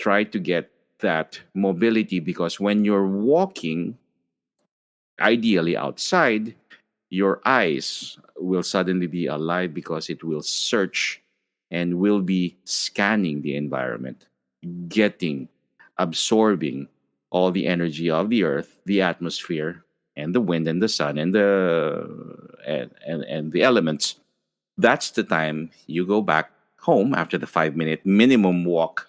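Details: Adult male speaker; normal speech.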